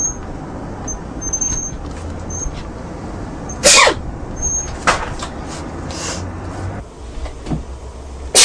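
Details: Several sharp, acted sneeze bursts by a woman for an allergy commercial audition, over steady background noise and music; simulated sneezing.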